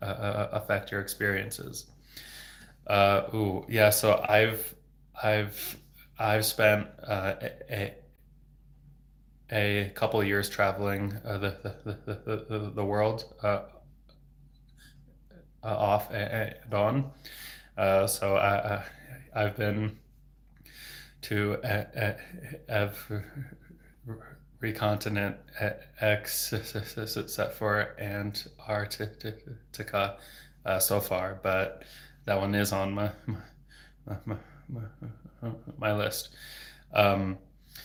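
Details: Adult male speech-language pathologist who has stuttered since age 8 (26 years), speaking without fluency techniques, with sound, word and phrase repetitions and blocks; stuttering.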